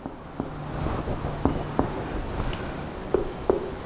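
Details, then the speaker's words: Finger percussion descending over the lower right chest: about six short, muffled taps, some in pairs, against faint room noise; normal hepatic dullness on percussion. "Aquí vuelve a estar un sonido apagado, que es la matidez hepática normal,"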